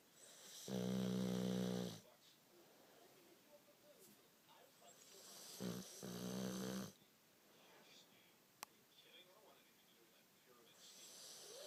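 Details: Two loud, buzzing, vibrating snores separated by a quiet pause; snoring during sleep.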